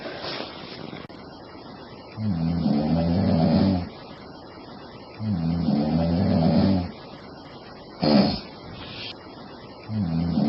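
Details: Sleeping woman snoring: loud, rumbling snores on each in-breath, repeating about every three seconds, with quiet pauses between.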